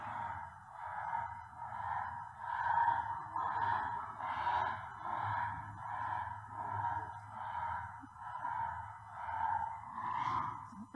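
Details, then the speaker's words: Awake brachycephalic dog, demonstrated for the BOAS respiratory functional grading scheme: rhythmic low snoring noise with each breath, stertor typically from the soft palate or nasopharynx. "need to kind of cut that one a bit so that's an awake snorer okay and that's typically palette or nasopharynx okay so nasal nasopharynx palette will create that kind of noise"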